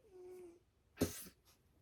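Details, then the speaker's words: Maine Coon cat sleeping beside the phone, noted to snore badly: a thin whistling breath, then a short rough snort. "can you hear that? That's my Freya. That's my Maine Coon cat, and she snores so bad, and she's laying right beside the phone here."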